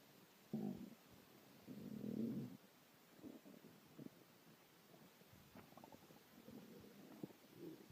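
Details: Man who had not eaten in 6 hours, very hungry: quiet, drawn-out low growls and gurgles from the stomach; hunger rumbling (borborygmi).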